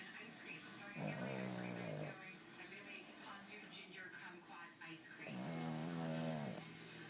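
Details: Two long, loud, rattling snores on inhaled breaths, about one every four seconds, from Chip, a sleeping Boston terrier, with faint background talk or television.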